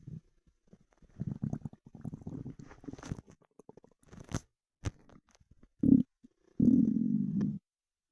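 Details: Stomach rumbling (borborygmi) after 24 hours without food: low gurgling and rumbling bowel sounds in irregular bursts, typical hunger-related growling.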